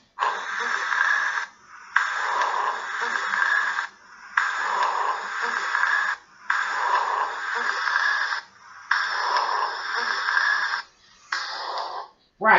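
Coarse, rumbling, noisy breath sounds in repeated cycles, about 25 a minute, with brief quiet pauses between; rhonchi. A voice briefly starts at the end.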